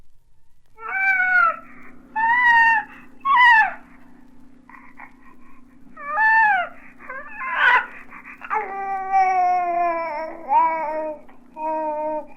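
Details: Normal infant cooing, from a 1967 recording of baby sounds for expectant and new parents.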